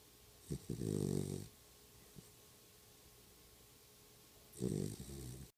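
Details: Dog snoring: two low, rattling, buzzy breath sounds about four seconds apart with a quiet pause between; snoring.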